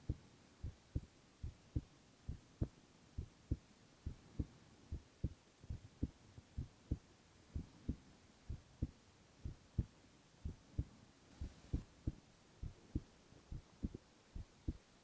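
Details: Young man's heartbeat recorded without talking: steady soft lub-dub beats, roughly 90 a minute, with low background hum; normal heart sounds.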